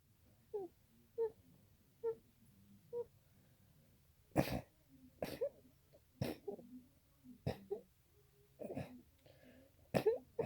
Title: Allergy sneezes